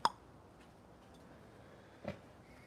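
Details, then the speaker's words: Knee crepitus: two brief, sharp pops from the knee as the adult shifts weight, audible joint cracking; he worries his ACL may give out. "You hear my knee cracking? You hear that? I just sometimes I shift my weight and it just goes"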